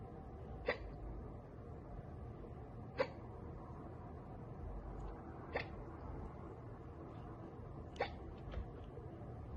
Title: Girl gets hiccups from soda.